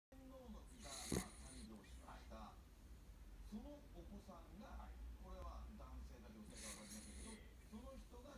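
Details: Miniature dachshund dog snoring: soft, squeaky, whistling breaths with low snuffly snores under a steady room hum.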